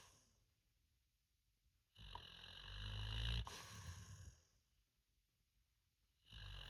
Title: Snoring through dreams